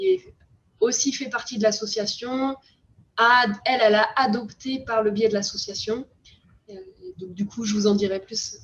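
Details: Adult woman speaking French; ordinary speech.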